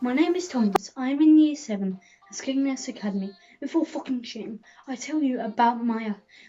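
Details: Child, schoolboy speaking; Tourette syndrome (vocal tics).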